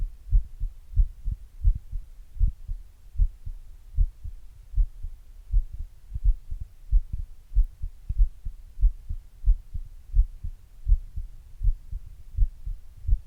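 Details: Own heart recorded at rest before exercise with an earbud microphone and a glass: steady, muffled low heartbeat thumps at roughly 85–90 beats a minute, normal resting heart sounds.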